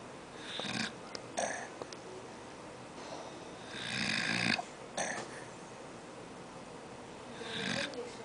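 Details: Old man snoring: rough, noisy snores on breathing with a few sharp clicks between, irregular, roughly one breath every few seconds.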